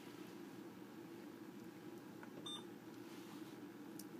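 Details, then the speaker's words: Single short electronic beep over steady room hum while programming a PCA infusion pump (1 mg/mL, 50 mg in 50 mL syringe) in a nursing demonstration; infusion pump keypress beep. "turn on the infusion pump select whether this patient is new or old then select the unit you will be working in"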